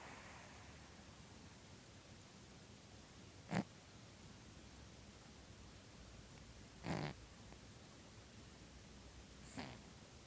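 Three brief, soft snorting breaths at irregular intervals over a quiet background; light snoring in a sleeping cat.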